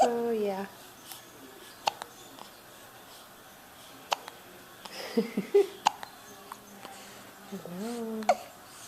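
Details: Baby with hiccups while making kissy faces: several brief, sharp clicking catches at irregular intervals among soft infant sounds and adult cooing in a quiet room; infant hiccups.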